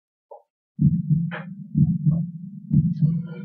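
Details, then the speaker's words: Normal heart sounds demonstrated in a class on cardiac circulation: regular paired low lub-dub thumps at about 62 beats a minute. "many feats are there no hurry to love tough love this kind of what we say it makes that kind of sound all right the RV has two different meetings you have to love and the dumb sound"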